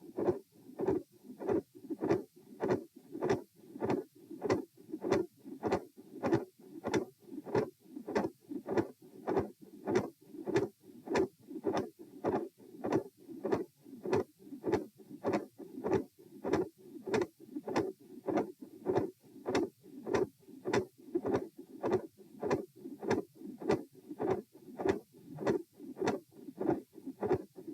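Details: Heart auscultation stress test at position T, recorded lying, then sitting, standing and lying again; midsystolic murmur with split S2 and a murmur at S2.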